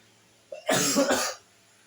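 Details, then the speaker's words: A single short cough burst with a brief throat-clearing onset in a quiet room, from an adult who says they are sick while reading aloud. "saya mohon maaf apabila saya ada terdengar suara batuk-batuk itu saya lagi sini lagi sakit"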